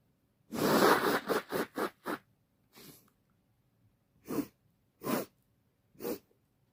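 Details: Female sneezing all day with a red nose, unsure if coming down with something or allergies: rapid run of short snorting sneeze bursts, then three more separate sneezes in a quiet room; repeated sneezing, including stifled sneezes.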